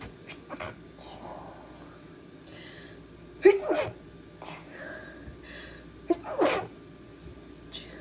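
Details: Girl sneezing: two sneezes about three seconds apart, each a sharp burst with a short trailing breath, over quiet room noise.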